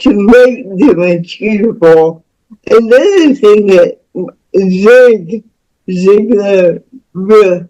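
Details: Speech of a woman about to turn 49 with lifelong cerebral palsy involving spasticity, born with the umbilical cord around her neck five times; doctors said she would never walk or talk.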